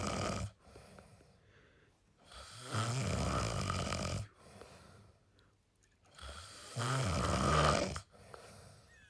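Deep rumbling snores on each breath in, about 15 a minute, with quiet breathing out between; snoring.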